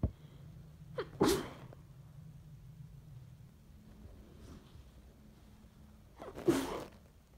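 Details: Hay fever, or possibly a cold: two sharp, explosive sneezes several seconds apart over quiet background; sneezing fit.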